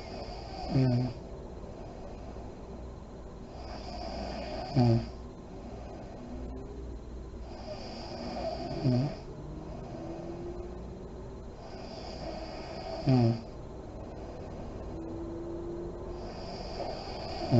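Slow, regular sleep breathing, about 14 breaths a minute, with a short snort or snore and a puffing sound on each breath.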